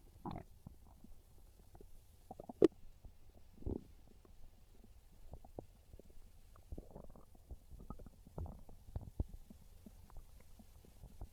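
Soft, scattered gurgles and bubbling rumbles with a few louder pops; ordinary stomach growling from hunger.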